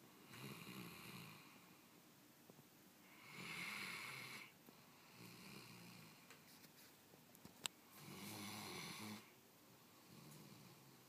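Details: 2-year-old German Shorthaired Pointer sleeping with eyes open: soft, hissing snores with each breath, about 13 a minute, quiet breathing between; snoring.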